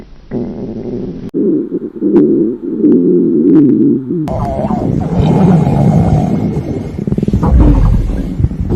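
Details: Stomach growling of a hungry girl on a diet: loud, drawn-out low growls and gurgles, ordinary bowel sounds recorded close and loud.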